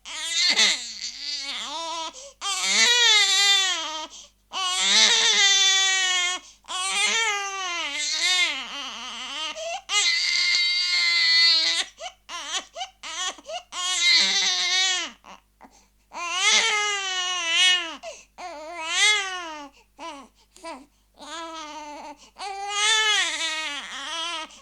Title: Bruitage bebe qui pleure - crying baby sound - صوت بكاء الرضيع